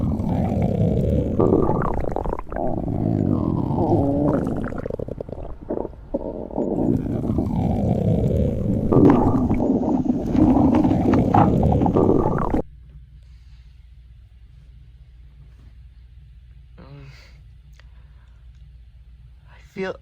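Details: Loud gurgling, sweeping stomach rumbles for about twelve seconds while lying in bed, then near silence with a faint low hum: stomach growling (borborygmi).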